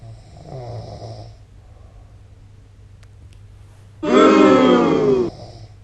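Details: Adult man's habitual loud snoring during sleep, for which he tapes his mouth shut with masking tape at night: a soft inward breath, then a loud, rattling, buzzy snore on the next breath; snoring.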